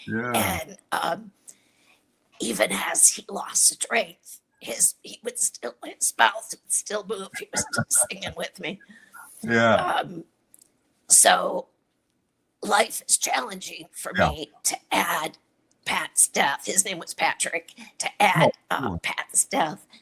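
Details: Adult woman with chronic dysphonia, a voice disorder; real patient speaking; dysphonia.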